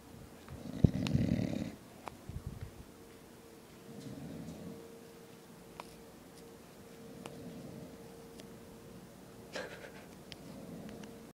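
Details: Loud rattling snore, then quieter rough snoring breaths roughly every three seconds with a steady room hum; an adult man (the uploader's dad) snoring.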